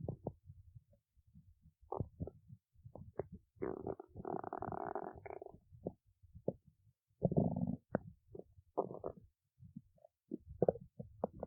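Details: Stomach growling from a person awake since 1:25 a.m.: low gurgling and rumbling with longer drawn-out growls from the belly; normal borborygmi.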